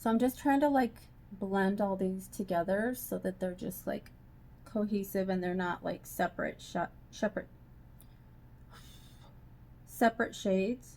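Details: Adult woman who says she has a lisp and tries to keep viewers from hearing it, finding it hard to talk without lisping; lisp.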